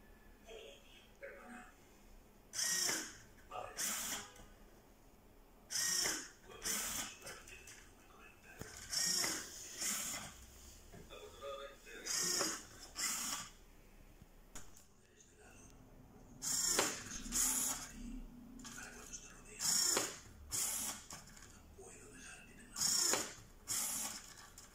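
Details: Prototype low-cost, open-source mechanical ventilator for COVID-19 patients, operating: rhythmic bursts of hissing airflow and motor whir about 19 times a minute, the ventilator cycling.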